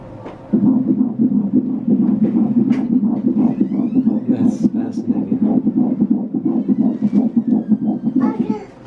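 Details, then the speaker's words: Fetal heartbeat on a first ultrasound, female baby, mother about 12 weeks pregnant when posting: fast whooshing pulses, normal rhythm, heart rate 174 beats a minute. "so that's just a normal rhythm and then her heart rate is 174 beats a minute"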